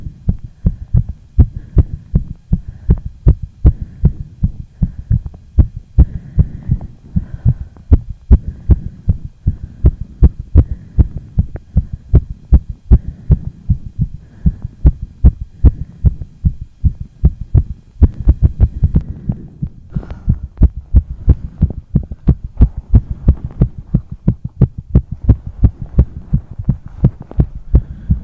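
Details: Rapid heartbeat (tachycardia): a quick, steady run of deep, low thumps, faster than a resting rate.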